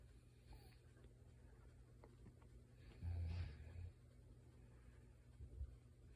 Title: She says she doesn’t snore!